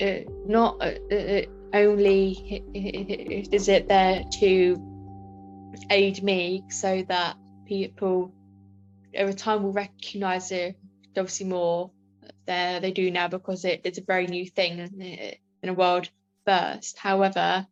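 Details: Adult woman with a stammer; stammering.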